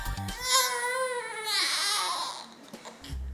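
A young infant cries in one long, high, wavering wail that rises and then fades.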